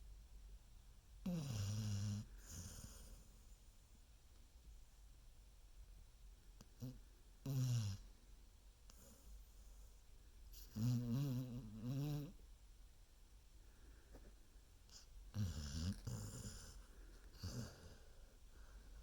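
Low, rumbling, vibrating snores with each breath, about four over nineteen seconds, some with a rough rattle; snoring in an infant.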